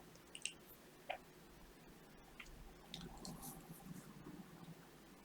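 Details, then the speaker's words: Ear wax and dead skin microsuction with a Zollner suction probe under otoendoscope view: quiet suction hiss, sharp clicks and wet squelching crackles as wax and skin enter the probe; suction grip poor, so sodium bicarbonate drops are added next. "I think I'm going to be using some drops in the moment because I'm just not getting the suction grip that I desire."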